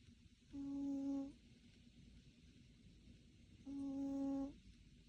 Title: He is snoring loudly… #shorts #ねこのいる生活 #catlover